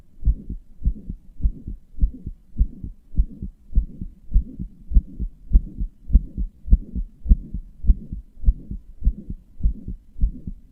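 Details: Regular heartbeat at about 103 beats a minute with a soft whooshing sound between beats; heart murmur, in a person who describes their heart as weak, inefficient, murmuring and palpitating.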